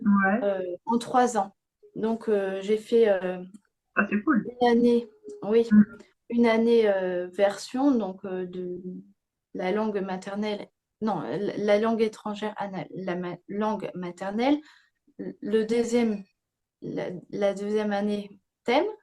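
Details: Young woman, speaking French, with aphasia after a stroke at age 22 that severely affected her speech and grammar, years later; aphasia after stroke.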